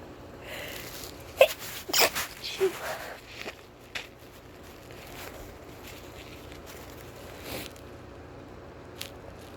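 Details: Short run of sharp, explosive sneezes close together, deliberately induced by a stuffy-feeling person, then quiet room noise: sneezing.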